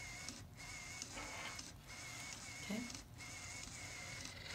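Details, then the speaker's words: Soft repeated mechanical whirring and clicking motor pulses, about 46 a minute: a CADD-Solis infusion pump automatically priming its cassette tubing, disconnected from the patient. "pump automatically primes your tubing."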